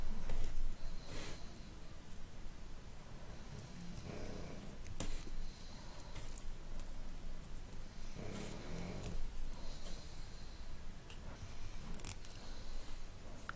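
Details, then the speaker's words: Pet pug dog sleeping beside owner snoring loudly: low, rumbling snoring with light clicking sounds nearby. "i'm not sure if you hear that in the video but my pack is snoring you're next to me very loudly so sorry for that he's so cute when he's sleeping next to me"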